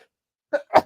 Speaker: so you now know what it sounds like when I sneeze twice in a row yeah really like unmasculine sneeze